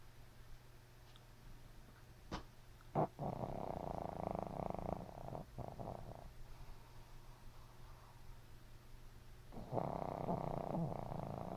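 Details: Sleeping, dreaming puppy snoring lightly: soft, low rumbling breaths with faint snuffles.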